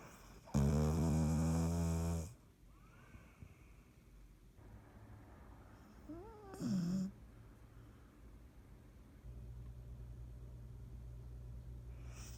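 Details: Dottie snoring: a loud, rattling snore lasting over a second, then a shorter groaning snort, over steady low room hum.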